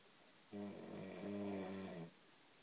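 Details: Adult man snoring all night, though he denies being a loud snorer: one loud, low, rattling snore lasting about one and a half seconds in a quiet room.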